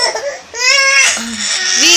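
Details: Infant crying after being left by an older brother, with a second child nearby: loud, high-pitched wailing cry in rising and falling bursts.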